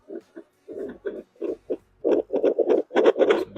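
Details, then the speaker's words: Accusure handheld fetal Doppler placed on an adult's own chest, not on a pregnancy: rough, distorted, unclear whooshing pulses of the adult heartbeat. "this is how it sounds the sound is all distorted it's not very clear"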